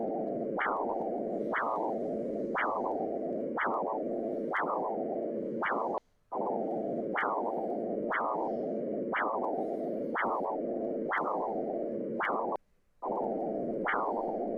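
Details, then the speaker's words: Pulsed-wave Doppler arterial flow signal in an ultrasound teaching demo, showing systolic and diastolic velocity over time: regular whooshing pulses about once a second, each rising sharply then fading. "Esto es lo que llamamos dopper de onda pulsada sobre este gráfico me está representando velocidad máxima o sistólica velocidad mínima o diastólica en función del tiempo"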